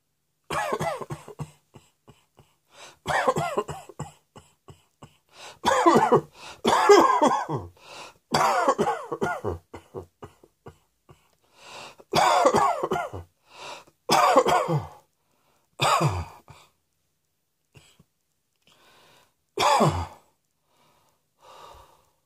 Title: Cross Dressing Coughing 87